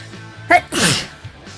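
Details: Woman who says she suddenly has rhinitis this year; a short vocal catch, then one loud, wet, explosive allergy sneeze over faint background music. Sneezing.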